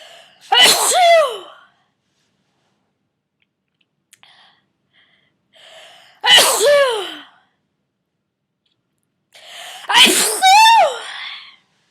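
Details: Three loud, sharp sneezes with a rising voiced onset, separated by quiet gaps, from a person getting over a cold, part of a run of 34 sneezes: repeated sneezing.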